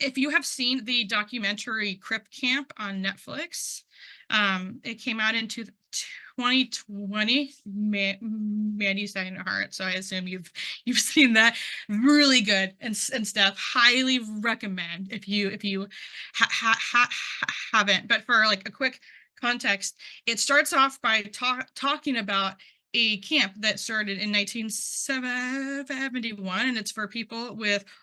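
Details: Adult who stutters, involved in stuttering communities for about 10 years, with repetitions of words and part-words; stuttering.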